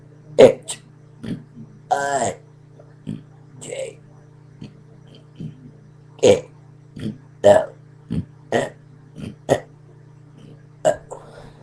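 A run of about fifteen short, voiced belches of varying loudness over roughly twelve seconds, with steady low background hum.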